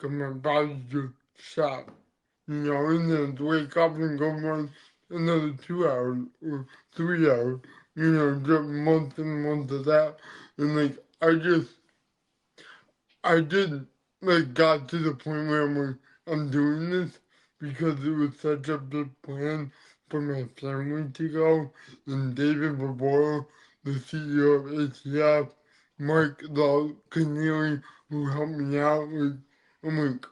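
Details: Dysarthria in an adult man born with cerebral palsy, which affects his neck muscles, giving a deeper voice and making talking hard.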